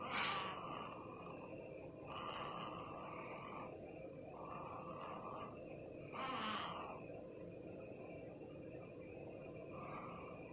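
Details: Soft, rhythmic snoring breaths with faint snorting rasps every couple of seconds from a sleeping newborn; infant snoring.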